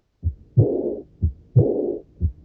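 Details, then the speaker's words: Early diastolic murmur of aortic regurgitation at about 60 bpm: a soft, blowing, aspirative murmur beginning with the second heart sound through diastole, without radiation. It is best heard at the accessory aortic focus, the third left intercostal space at the sternal border. "Aquí tenemos un soplo diastólico por regurgitación de cualquiera de las dos válvulas sigmoideas. Vamos a escuchar este. Son soplos de poca intensidad, aspirativos, tienen ese carácter, aspirativos,"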